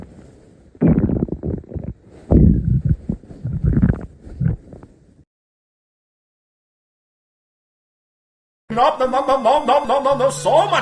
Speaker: Yet again, my stomach growled for the 38th time.